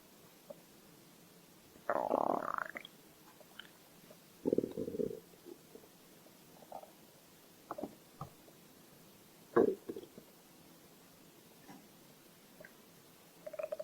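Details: Quiet gurgling stomach rumbles and brief squelches at irregular intervals over soft hiss; ordinary stomach growling from hunger (borborygmi).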